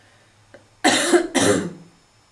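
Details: Two harsh, loud, barking coughs in quick succession, the second trailing off more roughly, from a female smoker with a seasonal smoker's cough.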